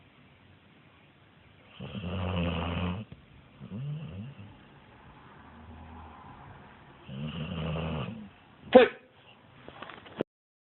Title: snoring